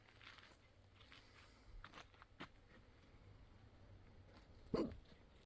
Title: Filming ripples and wave sounds, but I had the hiccups, people & dogs were talking. Still I like it